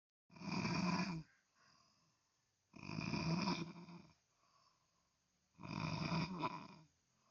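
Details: Person snoring very loudly while asleep, loud enough to disturb others' sleep; very loud, harsh rattling snores, three in about seven seconds, with quiet breathing out between them; heavy snoring.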